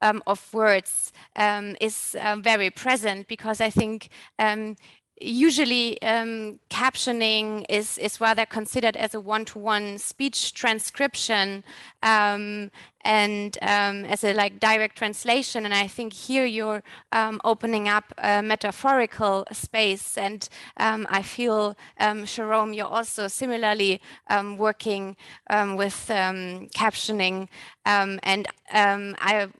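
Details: Adult woman speaking; normal speech.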